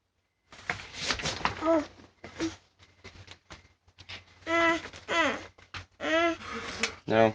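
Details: Child named in caption (private person). Child's voluntary fake coughing on camera, a run of short, voiced, deliberately faked coughs in a small quiet room.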